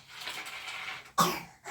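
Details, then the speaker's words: Dry cough in a child, new for the first time and not helped by inhalations; a test was taken with result pending, suspected pertussis. "кашлям ось зараз і сухий, і не допомагають інгаляції. Це таке вперше."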